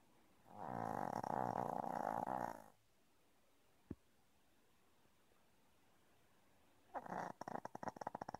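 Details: Small dog, normally a silent sleeper, snoring unusually loudly one morning: two harsh, buzzing snores on breaths, the second breaking into a rapid flutter, with quiet between; snoring.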